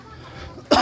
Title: Apologies for the cough, a little under the weather. Alternative route for containers.